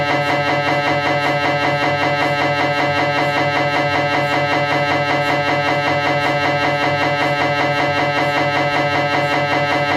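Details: Cervical spine MRI on a Philips 1.5T scanner: loud, steady droning buzz with a regular pulsing beat, about 78 a minute, during a T2-weighted sequence; MRI scanner noise.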